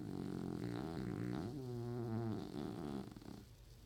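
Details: Snoring in an old man, heard as one long, low, fluttering snore that wavers in pitch and fades out.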